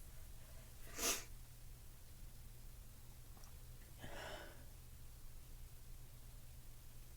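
One sharp, forceful sneeze, then a softer breathy exhale a few seconds later, in a quiet room with low hum.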